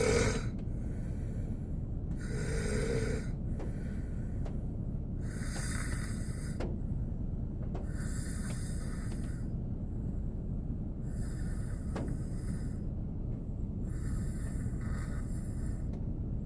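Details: Korean man snoring while asleep in a car on a snowy day: soft, regular snoring breaths about every three seconds, partly masked by rain or snow noise on the car.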